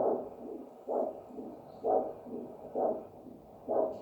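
Rhythmic whooshing Doppler pulses at about 63 a minute, each a strong surge followed by a softer one: a normal biphasic arterial signal at the foot.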